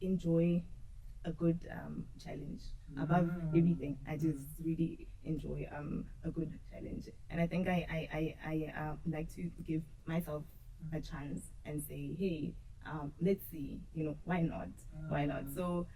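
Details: Adult woman who stutters, noticeably in her speech, and who has struggled with it since school. Finding: stuttering.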